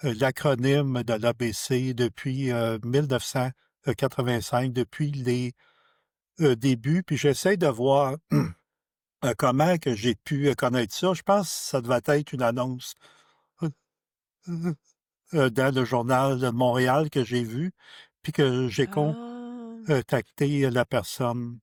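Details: Adult man who stutters, a member of a stuttering association; stuttering.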